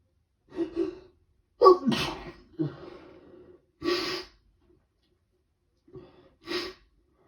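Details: Adult with a head cold, day 2, waking in the morning with prolonged rapid sneezing fits: a run of sneezes, each with a quick gasping in-breath, in a quiet room; sneezing.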